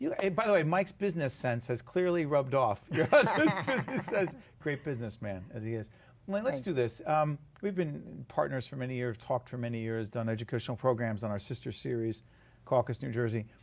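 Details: Adult man speaking; Normal speech.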